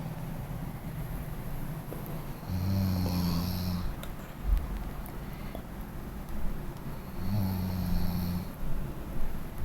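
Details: Two low, droning snores about five seconds apart over a steady background hum, fitting slow sleep breathing; snoring.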